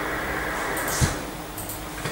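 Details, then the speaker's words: Tinnitus sound generator in a hearing aid: white noise shaped into two different bands, a steady hiss that can be set to give the patient the most relief from tinnitus. "è un rumore bianco su due diverse bande quindi uno davvero può creare il rumore che più dà sollievo al paziente"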